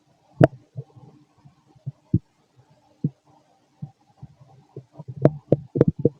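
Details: Fit male, stomach growling while digesting, very loud: irregular gurgles, pops and rumbling bursts from the belly, growing busier toward the end; active bowel sounds (borborygmi).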